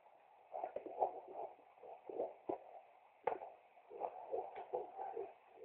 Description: Our Little Miracle's Heartbeat At 15 Weeks and 1 Day